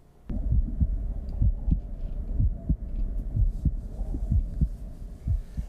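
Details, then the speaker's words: Regular low lub-dub heartbeats at about 62 beats a minute, played as an example of normal healthy heart sounds. "we all know what a healthy heart is supposed to sound like and that's this"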